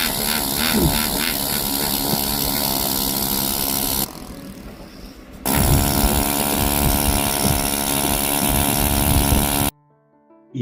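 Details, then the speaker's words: An air rotor mallet gives a loud buzzing whine with rapid tapping pulses, a brief pause, then buzzing again. It is luxating a decayed upper-left tooth's root piece after a palatal flap is raised, during extraction for an immediate dental implant. "यह हमारा air rotor maleate है। यह बहुत ही advance instrument है जिससे बहुत सुंदर तरीके से लग्जट हो जाता है हमारा रूट पीस।"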